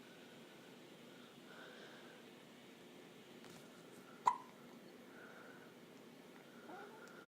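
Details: A girl with the hiccups: a single sharp, brief, loud hiccup in a quiet room.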